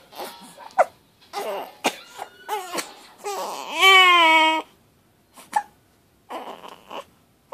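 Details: A 3-week-old infant fussing with hiccups: short bursts of crying with one longer wail and brief gaps, an ordinary fretful cry.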